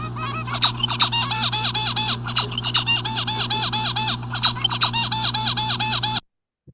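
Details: Songbird's directed courtship song recorded before cerebellar surgery, a normal baseline: rapid, high-pitched song with repeated syllables and some repetition toward the end.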